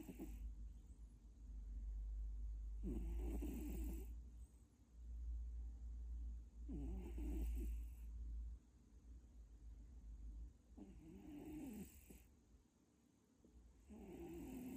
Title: 코골이 좀 심하네 #cat #colonelkkjϟ #kitten #catstagram #cutecat #onlyߙjesus #chat #rgm #sɪᴛᴛɪɴɢ #funny